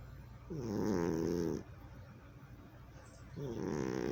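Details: Cat, still healthy in 2020, asleep: two rattling, buzzy snores a few seconds apart with quiet breathing between. Snoring.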